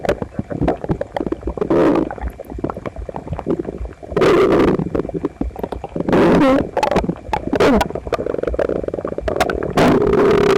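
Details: Loud, prolonged gurgling and rumbling with squeaky rising tones from a visibly uncomfortable person's belly, recorded by pressing a phone to it after a breakfast of toast, eggs and milk; his stomach had been a little upset the other night. Very active bowel sounds.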